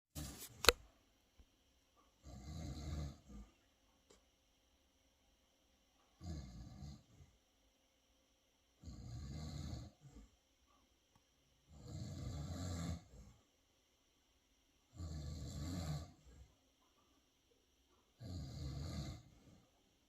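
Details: Miniature schnauzer dog snoring while asleep: regular rasping breaths in, about every three seconds, roughly 18 a minute, with silence between them.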